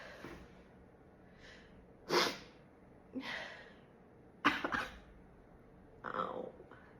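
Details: Woman trying and failing to hold back sneezes: four sneezes, several muffled and cut short as she tries to stifle them, in a quiet room.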